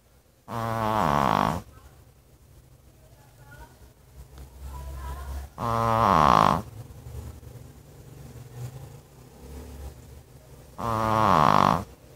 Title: Funny Dog Snoring, 강아지 코고는 소리